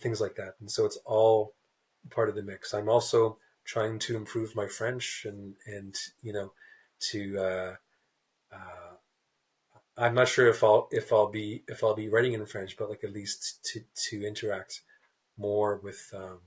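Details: Adult man who stutters, a writer, in a real interview; repeated words and blocks are audible; stuttering.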